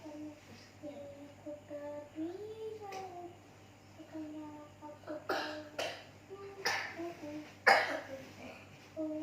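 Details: About four short coughs from a child over a steady background hum and a child's sing-song voice; an ordinary cough.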